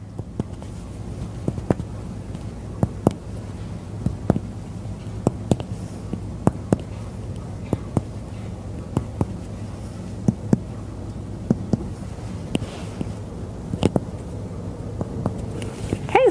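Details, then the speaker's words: Adult male (James) on a full head-to-toe medical exam: repeated hollow finger taps on the anterior chest give a resonant percussion note in all lung fields bilaterally, normal over healthy lungs. "a resonant percussive note was heard in all lung fields bilaterally"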